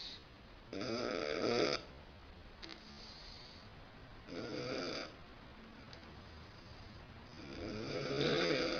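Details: An adult woman snoring loudly at night, with loud raspy snores on each inhalation at about 20 breaths a minute and quiet stretches between, in a quiet room.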